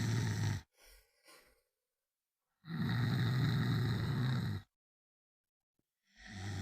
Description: 1 minute of snoring